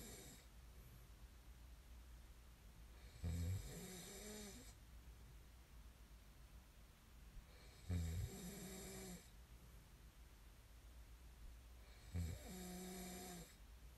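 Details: Three loud, low, buzzing snores on breathing in at about 13 breaths a minute, with quiet between; snoring during sleep, from an ASMR snoring recording.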